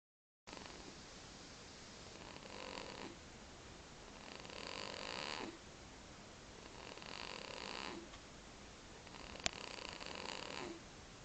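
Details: Baby snoring: soft, hissy, slightly rattling light snores on each breath, about 23 breaths a minute, over steady background hiss.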